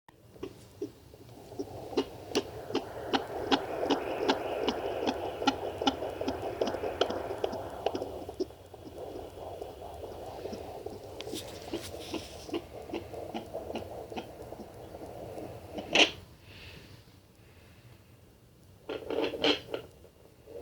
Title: Fetal doppler twins 28 weeks 5 days